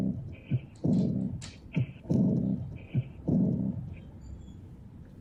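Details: Aortic regurgitation murmur (early diastolic decrescendo).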